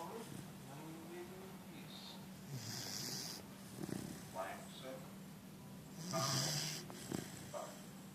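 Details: Four-month-old Bernese Mountain Dog puppy snoring while held like a baby: soft snuffling, snorting breaths over room noise and faint voices.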